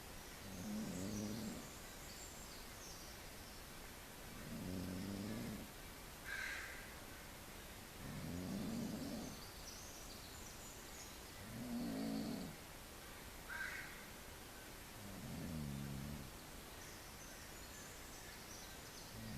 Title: snoring, at beautiful Pine Point, Lake Cowichan, BC